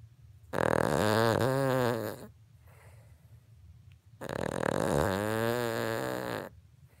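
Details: 3-year-old Cavalier King Charles Spaniel asleep, snoring loud enough that callers mistake it for a train, vacuum or chainsaw: two long tonal rattling snores about four seconds apart, roughly 16 breaths a minute; snoring.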